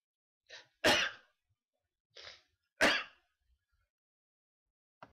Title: Sneezes